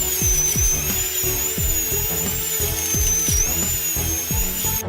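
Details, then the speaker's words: High steady whine of a dental drill with intermittent lower grinding: smoothing the inside of a tooth cavity after decay removal, before filling. "Now we need to polish the inside of the nest smoothly. Facilitate the subsequent installation of filling materials"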